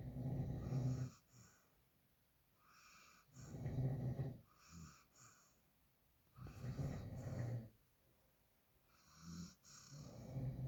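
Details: Sleeping dog snoring: loud, low rattling snores with a softer airy phase between them, about one snore every three seconds.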